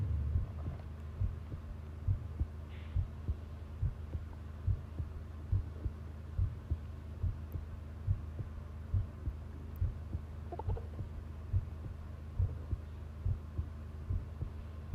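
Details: Long-duration heart sound recording: steady, regular low thumps at about 70 a minute over a faint steady hum; normal heart sounds.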